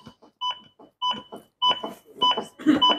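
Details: AED CPR training on a manikin with the AED in adult mode: after a shock is delivered, steady electronic metronome beeps at about 100 a minute, each followed by a thump of chest compression.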